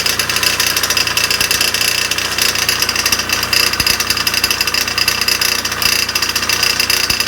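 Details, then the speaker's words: Dental office air compressor in a basement utility room: loud harsh rattling, hiss and irregular knocks when it kicked on; the compressor had developed a crack and was shedding gold dust, near failure. "now when i was down there the compressor kicked on and it made this really terrible noise"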